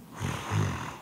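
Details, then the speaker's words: Stage 1 snoring due to nasal congestion: soft, low rumbling snores without breathing obstruction (mild snoring), heard after a nasal dilator widens the nose and opens the nasal valve. "1단계 코막힘으로 인한 코입니다 부드러우면서도 숨은 막히지 않는 이거는 가벼운 코리라 할 수 있고 할 방법도 비교적 간단합니다"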